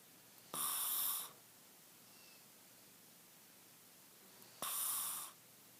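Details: Snoring: two rattling, buzzy snores on breathing in, about four seconds apart (roughly 15 breaths a minute), with quiet breathing between.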